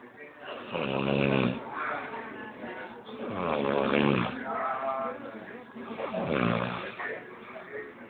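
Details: Person napping after a hard day's work, deeply asleep: three loud rasping, buzzy snores roughly two to three seconds apart, with quieter breathing between.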